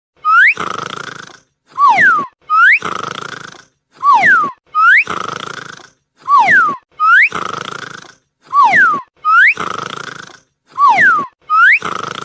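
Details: A sleeping dog snores in steady cycles, each breath carrying a squeaky whistle that slides up or down.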